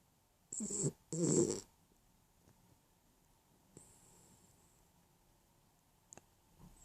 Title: dog snoring and dreaming